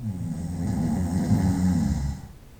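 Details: Night-time snoring recorded over about 25 minutes: a single long, loud, rattling snore on the in-breath fading into quiet.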